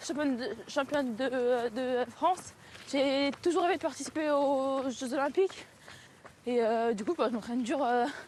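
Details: Woman, a French triathlete, who has stuttered since early childhood; real speech showing stuttering.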